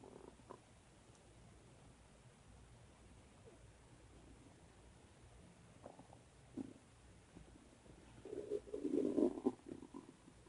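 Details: Bowel sounds (borborygmi) from own stomach: gurgling, bubbling rumbles building to a louder burst near the end.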